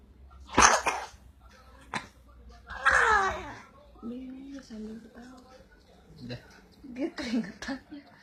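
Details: Baby laughing in bursts, broken by a couple of short coughs and gasping breaths; laughing hard enough to trigger coughing.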